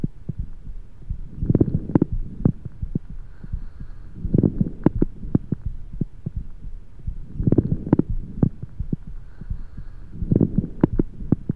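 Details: Many loud, low, popping coarse crackles through each breath cycle, breathing about 20 a minute.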